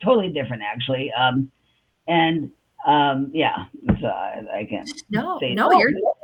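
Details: Adult woman with aphasia after a stroke on July 6, 2021; she says she can talk but can't think of the words. Aphasia.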